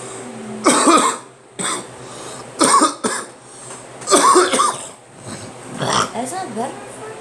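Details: Several loud, harsh cough bursts separated by short pauses, ending with a quieter rattly throat sound; an adult coughing.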